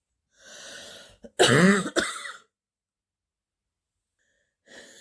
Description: compilation of clips of a girl sick with a terrible stuffy and wheezy cold that have given her a very deep barking cough